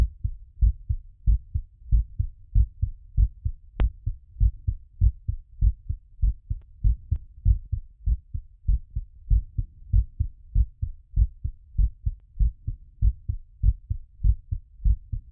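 Steady, regular paired heart sounds at about 97 beats a minute through a stethoscope, with a quiet background. This is a normal heartbeat, still somewhat fast while recovering after exercise.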